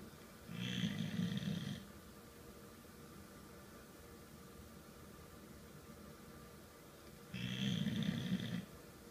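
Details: Sleeping in an uncomfortable position: two low, rumbling snores about seven seconds apart with quiet between; ordinary snoring.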